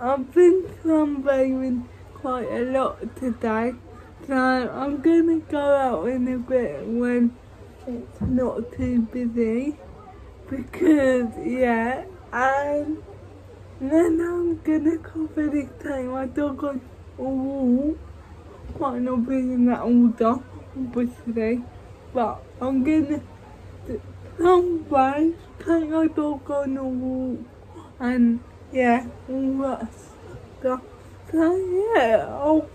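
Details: Woman with cerebral palsy speaking in her own vlog; dysarthria due to cerebral palsy.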